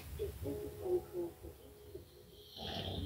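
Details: Snoring from a sleeping adult man early in the morning (about 8:00), rough, fluttering, partly tonal, followed by a noisy breath; described as snoring continually.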